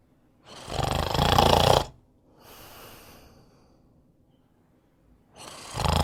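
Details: Loud, rattling inhaled snores alternating with softer, breathy exhales, about 12 breaths a minute; typical snoring.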